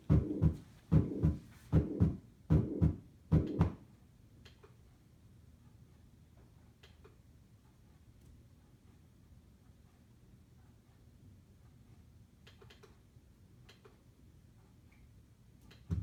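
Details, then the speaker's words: Simulated heart sounds played on a SAMII simulator for an auditory quiz: lub-dub with a squishing sound on top, indicating a valve problem with mixed blood flow; heart murmur. "but on top of it you hear this squishing sound so that's indicating our murmur so something with the valves isn't working and we have a mixture of blood flow"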